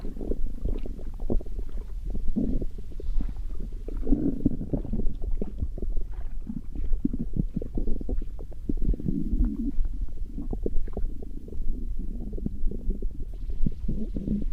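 Continuous low rumbling and gurgling from the belly with irregular bursts; ordinary stomach growling from gas and fluid moving through the gut.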